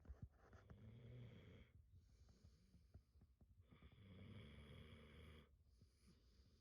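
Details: Sleeping dog described by owners as narcoleptic and loving to sleep: two long, low, fluttering inspiratory snores at about ten breaths a minute, with soft pauses between; snoring.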